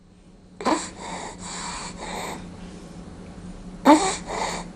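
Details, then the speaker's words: Child with acute laryngotracheitis (croup): harsh, prolonged, noisy inspirations a few seconds apart. This is inspiratory stridor from upper airway obstruction. "in this child obstruction of the upper Airways causes a prolonged inspiration in this particular case it is caused by acute luring goat Reiki itís also called croup"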